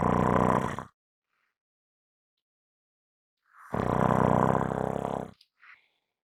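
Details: Strong snoring recording: two loud, harsh, buzzing snores separated by near-silence, one ending in a short snort.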